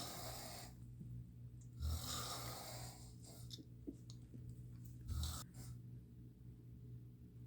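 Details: Snoring recorded around 1 to 1:30 a.m.: low, rough rumbles with an airy hiss on a few irregular breaths, over steady room hum.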